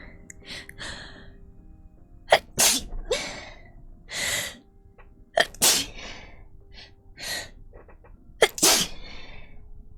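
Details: Several sharp, explosive sneezes, each preceded by a quick breath in, with faint background music; repeated sneezing, compiled from a livestream.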